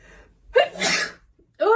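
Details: A sharp inward gasp, then one loud, forceful sneeze, followed by the start of another, in an acted sneezing fit attributed to allergies.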